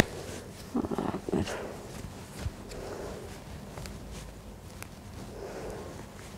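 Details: Child physical examination: soft, even breath sounds through a stethoscope with a few handling bumps; clear normal breath sounds without added noises.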